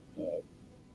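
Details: Hungry adult man practicing intermittent fasting, not eating until after lunch: a brief low rumbling gurgle rising and fading in a quiet room, ordinary stomach growling (borborygmi).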